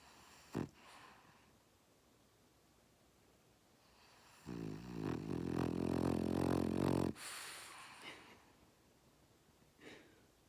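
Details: French Bulldog asleep in owner's lap: one long, rattling, buzzy snore of about three seconds in a quiet room, with faint snuffles around it. Dog snoring.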